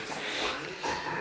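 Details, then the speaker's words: Harsh, noisy snorting inhalations from a Bullmastiff during a reverse sneezing bout; it sounds worrying but is harmless, and the dog needs reassurance until it stops. "This is reverse sneezing that I was talking about. Absolutely fine. Just got to reassure him."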